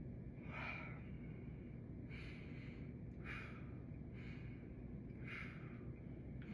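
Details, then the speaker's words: Normal breath sounds on anterior chest auscultation, upper then lower lobes, during a nursing head-to-toe assessment: slow deep soft airy breaths, clear, no wheezes or crackles. "My lung sounds are clear in each of the loes."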